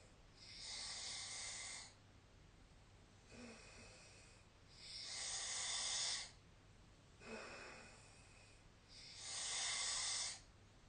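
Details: Snoring recording made with the SnoreLab app on 2025-03-20: slow, hissing, rasping breaths during sleep at about 14 a minute, alternating louder and softer; snoring.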